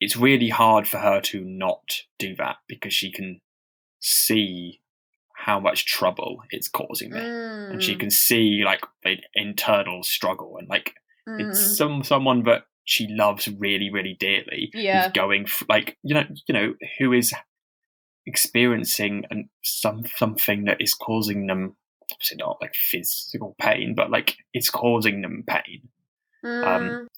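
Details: Stammering in a man who stammers, speaking unscripted as a podcast co-host; he reports having really heavy blocks.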